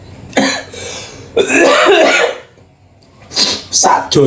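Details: A man eating chicken fillet with sweet-sour-spicy sauce chokes from eating too hastily, then gives repeated harsh coughs and throat clearing in quick bursts.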